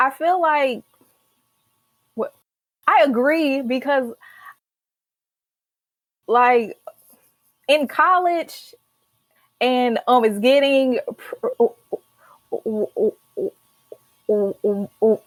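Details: Stuttering in a young adult woman, a senior college student, who began speech therapy in college; stuttering.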